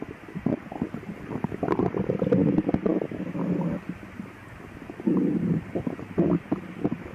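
Loud, irregular low gurgling and rumbling from the abdomen, typical of active bowel sounds.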